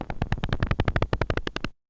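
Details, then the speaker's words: Needle EMG demonstrating moderate to severe reduced recruitment: rapid, regular thumping pops from one large, broad, very polyphasic motor unit firing alone. "this is how reduce recruitment will sound like and this is a moderate to severe reduce recruitment"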